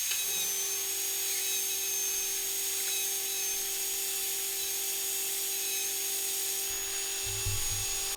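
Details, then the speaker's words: Dental drill with a round bur removing bone around a tooth root during a surgical extraction on a simulator model, aiming for about a third of root height. Steady high-pitched whine running continuously. "So, I'm going to switch burs from a straight cutting to a round bur, and then I can remove bone. Probably aiming to remove bone over around about a third of the height of the tooth root to begin with."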